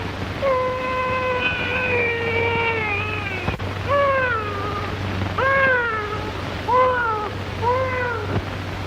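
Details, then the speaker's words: Newborn's first cries during a real low cervical cesarean section (laparotrachelotomy) with forceps delivery of the head, filmed 1936 at Chicago Lying-In Hospital: repeated strong, tonal wails over a steady low hum. "in a very few moments, you will hear the baby cry."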